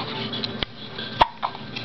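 Two sharp, brief involuntary catches about half a second apart, typical of hiccups, over quiet room noise.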